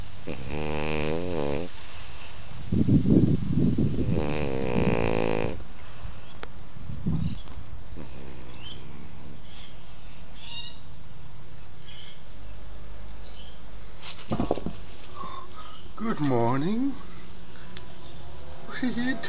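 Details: Sleeping French Bulldog: irregular low rumbling snores with snorting breaths and whimpering, possibly a bad dream before it gets a fright; snoring.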